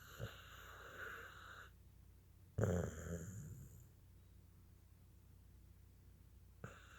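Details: Sleeping Cocker Spaniel makes low, rattling snores in slow breaths, some with a faint whistling tone.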